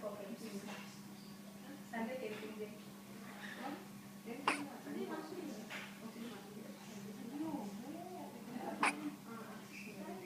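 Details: Hiccups.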